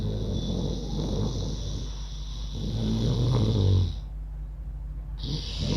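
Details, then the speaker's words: Deliberately imitated snoring in ujjayi yoga breathing, tongue folded back, breathing in and out through the nose, taught as a snoring remedy: a deep, rough snore-like rattle on both the in-breath and the out-breath. "कुछ लोग आपको ये कहेंगे कि उज्जैन में हमें ओम जैसी आवाज़ निकालनी है, कुछ कहेंगे हमिंग की साउंड निकालनी है। बिल्कुल नहीं, खर्राटे की आवाज़ निकालनी है।"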